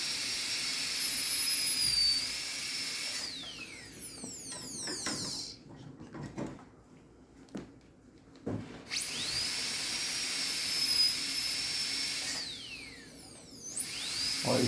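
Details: High-speed dental handpiece during anterior PFM crown preparation after basic reduction: piercing high-pitched whine spinning up and winding down in two runs with a quiet pause.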